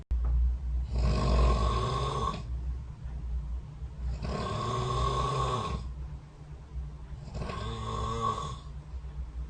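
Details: Recorded overnight by a snore-tracking phone app set next to the bed: three long, rough, rattling snores on inhalation with quiet gaps between, over a low steady room hum; snoring.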